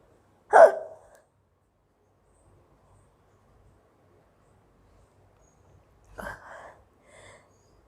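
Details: A sharp, sudden gulping sound, then a softer one seconds later, from an Indian young woman who has had hiccups for a long time and is trying black pepper powder; the recording also has sneezes and a little cough. Hiccups.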